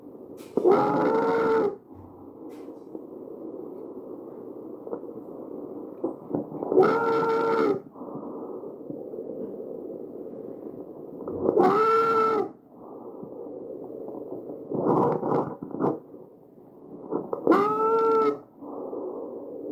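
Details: Tracheal stridor in a patient, shown visualized.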